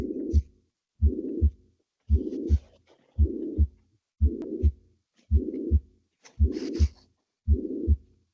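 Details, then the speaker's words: Pansystolic murmur of mitral regurgitation: slow, regular heartbeat with a steady blowing murmur filling the whole interval between first and second heart sounds, teaching clip on valvular disease. "Okay. So, that's the pancysic moment that we hit."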